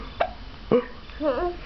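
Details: Hiccups in an infant: two abrupt, short voiced gulps, then a brief soft vocal sound.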